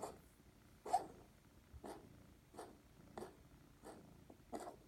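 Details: Cat with pneumonia gives about seven short, harsh coughing bursts in quick succession in a quiet room; repetitive cough.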